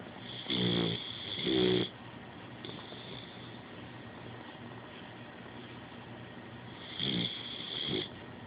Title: Snoring boxer puppy